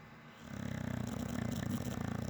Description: Red Nose Pitbull Snoring Away!🤣🤣🤣🤣